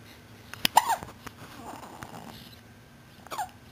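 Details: Hiccups in a 3-month-old pet, ongoing for about 15 minutes: a few brief, abrupt catch-like sounds with long quiet gaps in a small room.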